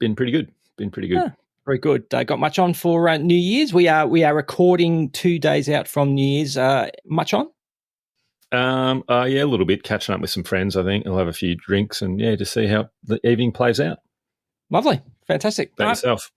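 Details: Adult men in conversation; normal conversational speech.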